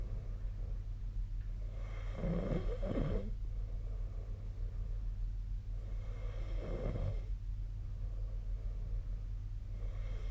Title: 🐽 本日のイビキ / Snoring Sleep Sound 2025/02/01